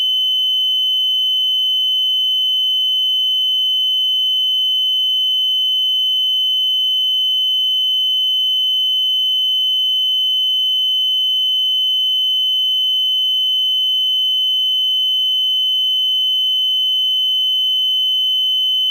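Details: Steady high-pitched continuous electronic tone from a multiparameter cardiac patient monitor sound effect, without separate beeps.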